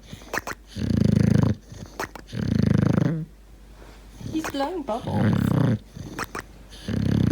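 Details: English bulldog puppy, deaf, napping after playing in a cow field all day: loud rattling snores with snorts and odd trilling "prrrp" squeaks between breaths, which he has always made occasionally; noisy snoring.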